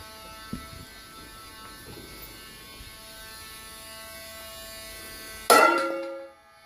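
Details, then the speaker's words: Dental drill sound played to desensitize a service dog, fearful of the sound, during down-stay proofing: steady high-pitched mechanical whine ending in a louder burst. "just trying to get that sound associate the sound with okay stuff so he's not so scared of the sound"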